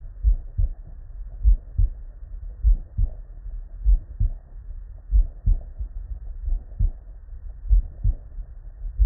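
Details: Real, unedited human heart sounds recorded at the bedside with normal cardiac physiology: steady paired lub-dub at about 48 beats a minute, normal first and second heart sounds.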